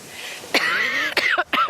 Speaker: it's triggered a load of wheezing and I have coughed not and stop on the train now between dad's place and here I do actually have asthma but it's it rarely ever ever raises its ugly head for me